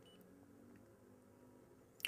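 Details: Animas 2020 insulin pump: near-silent room after injecting a 5.85-unit pump-suggested bolus, then one short high-pitched electronic beep signalling bolus delivery has finished.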